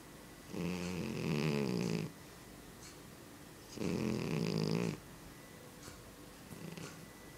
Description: a cat that has an extremely loud snore